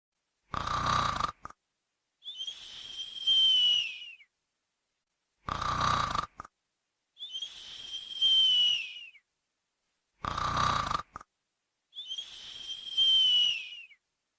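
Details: Cartoon-style snoring sound effect: a rough snoring inhale then a whistling exhale, repeating about every five seconds; imitation snoring, not a real sleeper.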